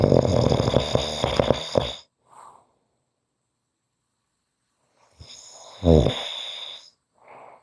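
Two loud, rattling snores on the in-breath, each followed by a soft out-breath and a long pause.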